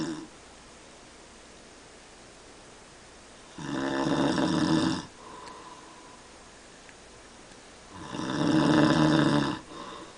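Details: Adult father snoring at night: two loud, rattling snores on the in-breath, each followed by a softer exhalation, in a quiet room.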